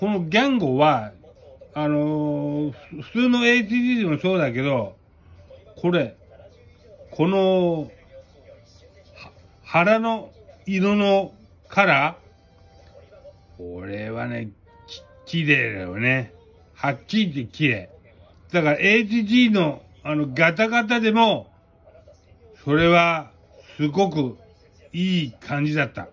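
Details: Aphasia with hemiplegia following a cerebral hemorrhage; aphasia.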